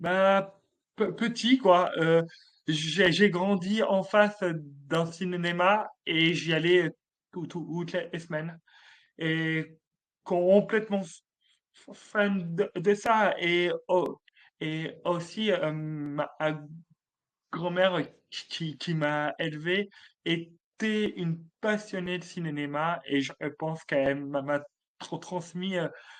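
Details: Adult male comedian with a real stutter since childhood, first detected at age 4, which he calls a speech disorder: stuttering.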